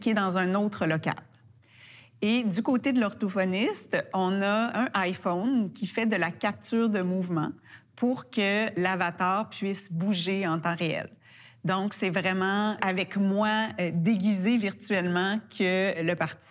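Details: Adult woman speaking French; normal fluent speech.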